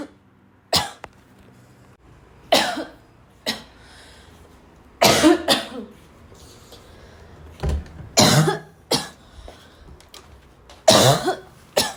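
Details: Early part of a girl's afternoon coughing fit that started weak and became violent, tagged as a barking cough: about eight fairly soft, irregular coughs and throat clearings in twelve seconds; cough.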